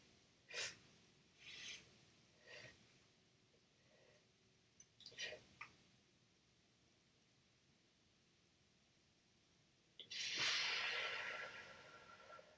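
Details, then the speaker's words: Breath-stacking (lung volume recruitment) exercise by a boy, guided by a physical therapist: several short stacked inhalations, a breath hold of about five seconds, then a long slow exhalation. "so we're gonna stack one breath on another so as you're taking a breath you're not gonna let it come out you're just gonna hold it and then stack another breath"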